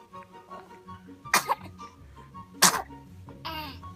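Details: Sneezing twins: two sharp, explosive sneezes, then a short high voiced sound, with faint music and room noise behind.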